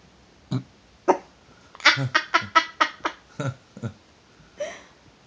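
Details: Female dog asleep: a run of about ten short, harsh snorting bursts, like repeated throat clearing or hacking, in a quiet room; throat clearing.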